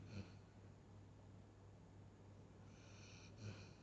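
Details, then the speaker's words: Sleeping chocolate Labrador: a quiet, steady low rumble of breathing with two brief snorting snores a few seconds apart; dog snoring. "এই জেডি, নাক ডাকছিস কেন?"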